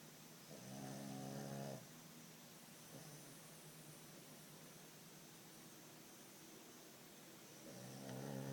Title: Roncando.!!